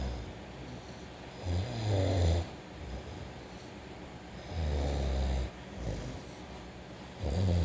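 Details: 9-week-old Olde English Bulldog puppy snoring beside its owner: repeated deep, rattling snores of about a second each, roughly 20 per minute, over steady background hum; loud snoring.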